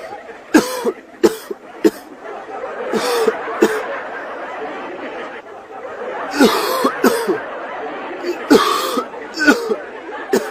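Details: Repeated short, sharp coughs over steady background noise, described as a COVID-19 (corona) cough. Cough.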